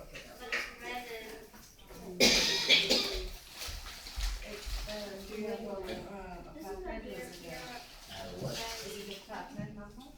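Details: At a doctor's appointment, one harsh, explosive cough rises above ongoing conversation in a small indoor room.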